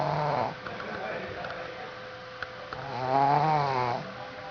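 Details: Dog snoring: a low, buzzing, drawn-out breath with a vibrating, whiny edge, then softer breathing and another buzzing breath.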